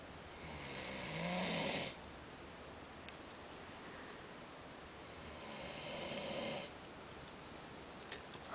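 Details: Two slow, rasping snores on the in-breath with quiet pauses between them in a still room; snoring.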